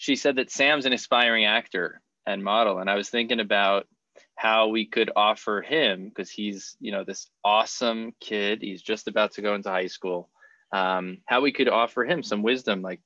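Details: Adult male speaker; typical speech.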